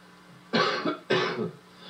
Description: The narrator sits in someone’s cheesy rec room smoking and reading a rambling anti-drug message off a script, until he begins to cough and choke.